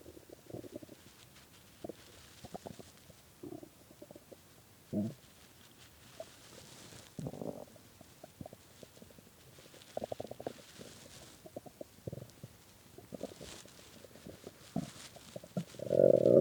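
Irregular gurgling and bubbling rumbles from the belly, ending in a louder drawn-out growl; hunger stomach growling.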